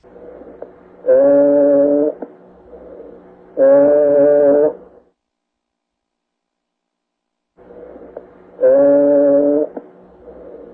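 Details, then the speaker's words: Voiced sounds through the chest wall take on a loud, nasal, bleating quality (egophony), usually heard over the posterior chest when the person says "ee"; causes given as pleural effusion, pneumonia or fibrosis. "have the person say II as you're listening to the chest wall and if you hear that e on the lungs then that's egophony"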